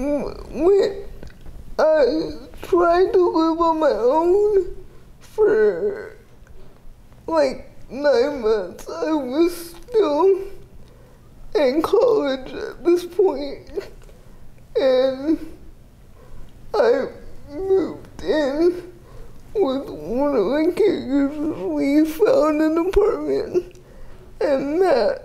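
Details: 30-year-old woman with GMFCS Level 4 cerebral palsy, quadriplegia with an athetoid component, affecting the speech muscles so speech may not be fully clear; dysarthria (cerebral palsy).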